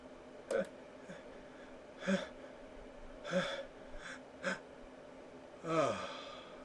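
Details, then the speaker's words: Male with habitually loud, powerful sneezes he can seldom stifle: several sharp gasping inhalations in a row, the build-up before a sneeze, ending in a longer stifled exhalation; pre-sneeze gasping as he feels another sneeze coming. "Oh. I feel another one. I'm not done. I can feel it. I can feel it."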